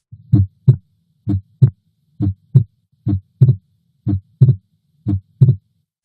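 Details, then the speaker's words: Physiologic splitting of the second heart sound in a normal heart: regular lub-dub near 60 a minute, S2 single during the first beats with expiration, then splitting as the patient inhales. "the first few beats are with exhalation and then the patient inspires and you should be able to hear the splitting of the second heart sound"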